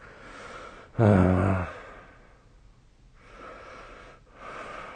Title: 🐽 本日のイビキ / Snoring Sleep Sound 2025/05/08